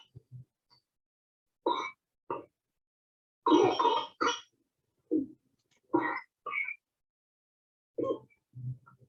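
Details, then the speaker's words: Child gives a series of short, wet, rattly coughs, the very wet cough classic for RSV bronchiolitis. "you can hear that very wet cough that's very classic for rsv"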